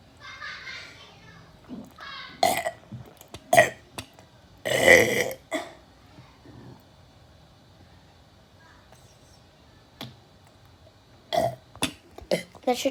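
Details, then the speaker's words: Deliberate burping for one minute: several short belches irregularly spaced among quiet stretches, with one longer loud burp; repeated burping. "now i can't get terminated so i'll just be burping here uh"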